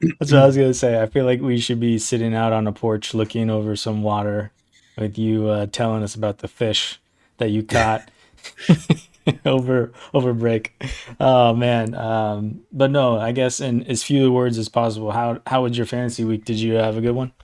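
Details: Adult male speaker; normal voice.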